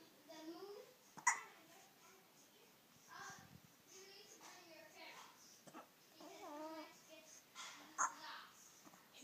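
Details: Young child wearing a barong, babbling, interrupted by two abrupt, sharp hiccups about seven seconds apart; ordinary hiccups.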